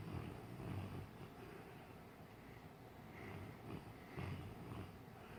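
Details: English Mastiff dreaming while asleep: soft, low, rumbling snores in uneven bursts; ordinary sleep snoring.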